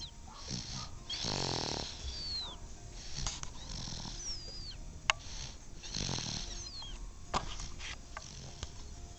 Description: think we have a snoring babe